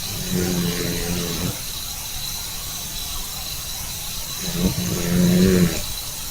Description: Sleeping tabby sawing logs. Louder snore than his owner!